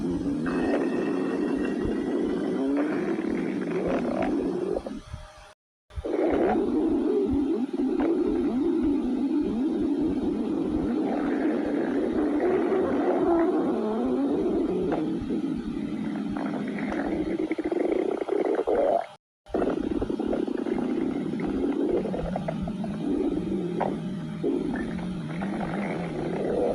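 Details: Continuous low gurgling and rumbling with shifting tones; stomach growling (borborygmi).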